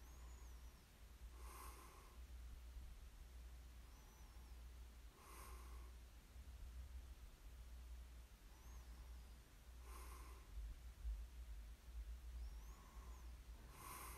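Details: Snoring ASMR recording of a sleeper: soft, regular snorting breaths about every four seconds over a low steady hum, quiet snoring.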